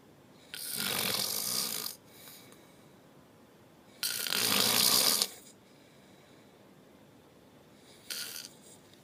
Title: snoring